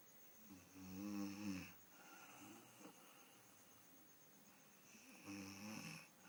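Two loud, buzzing, fluttering breaths with a quiet pause between: snoring during sleep.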